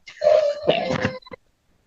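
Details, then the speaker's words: Baby boy held by his mother in a courtroom gives a brief, high-pitched wailing cry lasting about a second. "Well, well, bring the baby with you for goodness sakes. Of course, he's going to cry."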